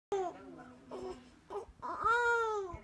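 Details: Newborn's first cry: short broken whimpers building into a sustained, clear wail.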